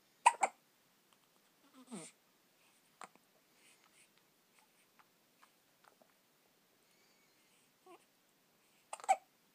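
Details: 4-day-old newborn with hiccups; short, soft, abrupt catches of breath repeating at intervals in a quiet room. Hiccups.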